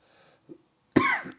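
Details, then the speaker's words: Single harsh cough after a faint breath from an adult man with a second Covid-19 infection, with breathing difficulty, fever and lost smell; possible pneumonia being checked; he says he coughs a lot. "i still have some difficulties breathing and i cough a lot"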